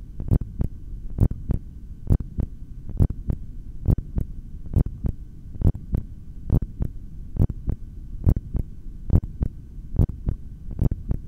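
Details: Steady, clear heartbeats at about 68 beats a minute, heard through a stethoscope during a long voluntary breath-hold.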